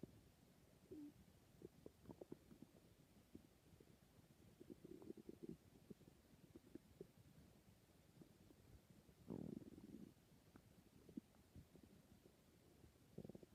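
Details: Faint gurgling and rumbling over steady hiss; stomach growling, bowel sounds from gas and fluid moving through the gut.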